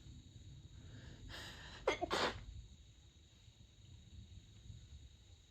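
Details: Sneezing in the middle of the night, deliberately stifled and covered with a light blanket during a long fit of 32 sneezes: a soft breathy intake, then two quick suppressed bursts against quiet room noise.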